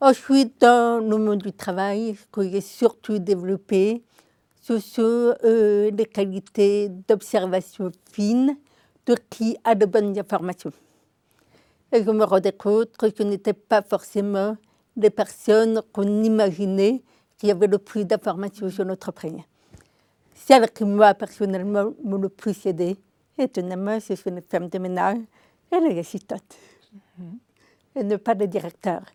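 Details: Adult woman with congenital deafness diagnosed at 9 months, told she would never speak, who learned to speak through 20 years of speech therapy three times weekly; she says her deafness is audible in her voice; deaf speech (congenital hearing loss).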